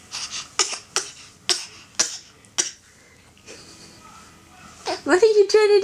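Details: Person deliberately faking a cough; voluntary cough.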